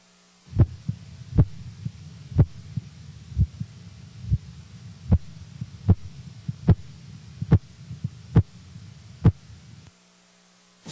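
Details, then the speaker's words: Korotkoff tapping sounds at about 75 a minute over steady cuff hiss during blood pressure measurement; systolic heard at 162 mmHg, then sounds absent for 4 mmHg before reappearing: auscultatory gap. "In the following example, the systolic blood pressure will be heard at 162 millimeters of mercury, followed by an absence of sounds for 4 millimeters of mercury, after which they will reappear."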